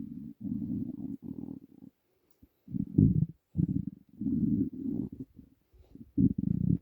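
Low gurgling rumbles in bursts with short pauses; ordinary stomach growling from an empty stomach.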